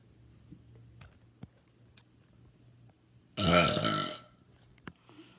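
A single long, loud, voiced belch lasting under a second in a quiet room; an ordinary burp.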